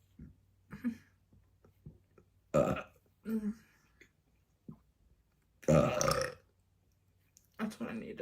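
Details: Burps during a mukbang: several loud, drawn-out burps with short quiet gaps and small mouth noises between them, repeated belching.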